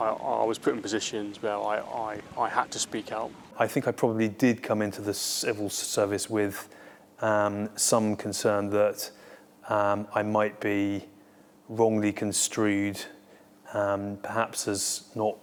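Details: Adult member of a defence stammering network who stammers, speaking in an interview; stammering.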